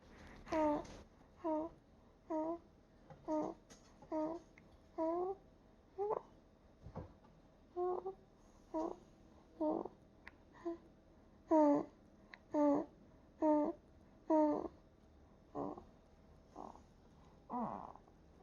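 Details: Short, repeated soft grunts and coos, about 67 per minute, from a sleeping newborn; normal newborn sleep sounds.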